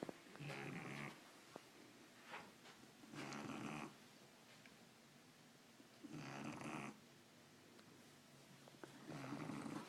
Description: My 9 week old adorable Shar Pei snoring away.